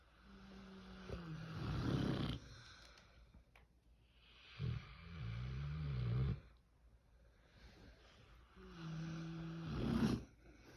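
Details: A pig snoring while asleep: low, rumbling, grunting snores at a slow pace of about 15 a minute, with some background noise.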